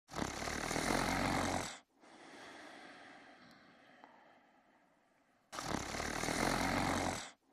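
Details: Man sleeping in bed and snoring: two long, loud rasping breaths of about two seconds each, separated by quieter airflow.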